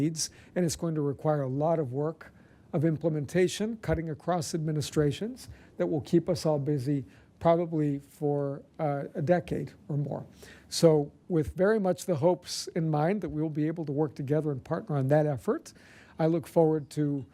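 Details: Adult speaker; normal speech.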